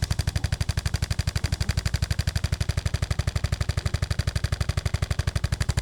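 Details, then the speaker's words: Percussion adjusting instrument (ArthroStim) applied under the scapula to break up adhesions: rapid very regular mechanical thumping, about four pulses per second. "let's get in there use that percussion underneath that scapula and really start to break up some of those adhesions because the body's been adapting"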